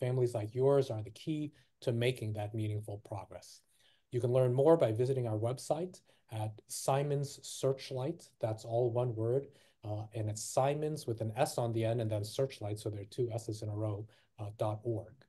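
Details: Adult man speaking; Typical adult speech.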